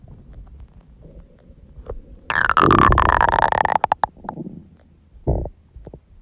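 Loud, long gurgling growl with a falling pitch, then shorter bubbling pops and rumbles; ordinary stomach growling from gas and fluid moving through the gut.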